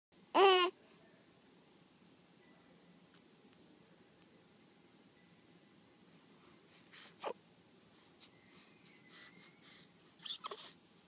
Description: Just looking around and then a sneeze gets a smile.